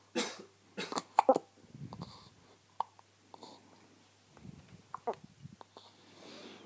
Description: my baby girls first hiccups